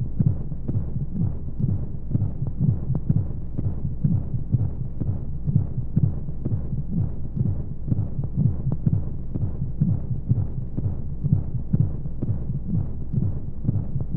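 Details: Womb sound for baby sleep: muffled, rapid, low heartbeat thumps at about 125 a minute under a steady whooshing hum of white noise and flowing sounds. Heartbeat.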